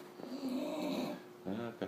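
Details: Bulldog snoring while asleep, described as extremely loud like a chainsaw: a long, buzzing, throaty snore followed by a shorter one, with a tonal, fluttering quality; snoring.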